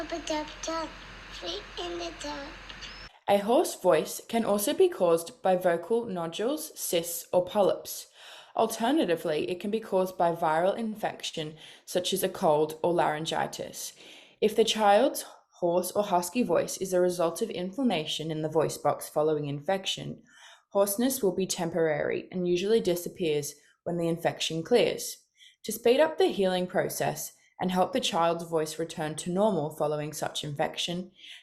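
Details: Adult female narrator; normal speech.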